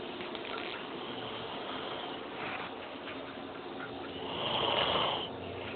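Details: Female snoring during sleep: noisy, rushing breath sounds with a louder rasping snore near the end.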